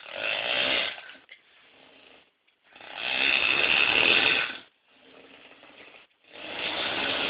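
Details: Loud, harsh, rattling snores on breathing in, with quieter breaths out between them, about 17 a minute; heavy snoring.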